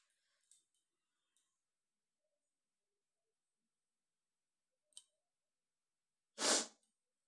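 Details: Woman deliberately tickling her nose with paper to sneeze repeatedly, counting up to 15, with watering eyes: faint rustling and clicks, then one loud sneeze burst near the end.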